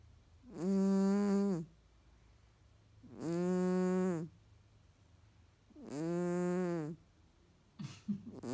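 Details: Sleeping nasally Tonkinese cat: three long, loud, buzzing tonal snores, about 23 a minute, each on an in-breath with quiet pauses between; snoring.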